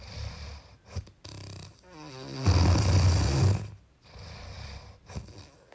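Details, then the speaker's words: Snore said to come from a sleeping hummingbird: a loud, low, rumbling snore that swells and fades, with a fluttering buildup before it and quieter snuffly breathing around it. "I saw this video today captured this escaping from the tiny body of a sleeping hummingbird I pitched but unmistakable snore"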